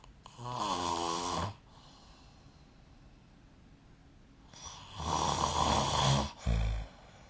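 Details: Snoring recorded during sleep with the SnoreLab app: two loud inspiratory snores about four seconds apart, first buzzing and tonal, then harsher and rattling, ending in a brief snort.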